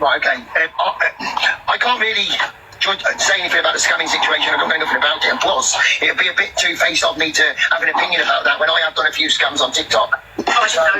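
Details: Adult speaker; typical speech.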